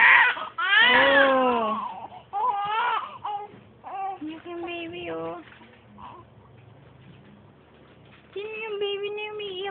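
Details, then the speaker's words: An infant cries in repeated, strained wails with pauses for breath; the baby reportedly stops crying when a cellphone is held up facing them. "hala umiiyak yung baby umiiyak yung baby ang"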